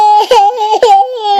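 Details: Sick, sleepy, grumpy baby: brief high-pitched cry in two fussy bursts with short catching breaths; infant crying.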